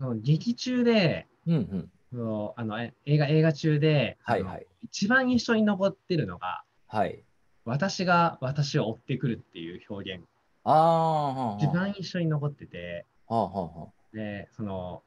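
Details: Adult male speaker; typical speech.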